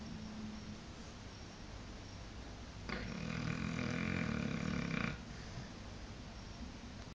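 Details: Blue Shar Pei dog sleeping: a single long, rattling snore of about two seconds between quiet breaths and steady room noise. Snoring.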